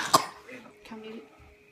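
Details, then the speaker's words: A single sharp cough from a sick young girl recently taken to a children's walk-in clinic, followed by faint voicing and quiet room sound. "Actually, she is sick. I took her to the walk-in clinic again, which is a children's walk-in clinic. Oh my gosh, can you hear her coughing?"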